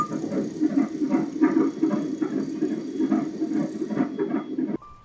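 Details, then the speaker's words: CTG fetal monitor on a pregnant woman hospitalized with pre-eclampsia with severe features, probe over the fetal heart: rapid, regular whooshing pulses about 150 a minute; fetal heartbeat, normal range, fetus moving. "Ilalagay yan sa banda ng heartbeat ni baby sa FHD. Ayan. So yan ang tunog na. Nire-record ng machine."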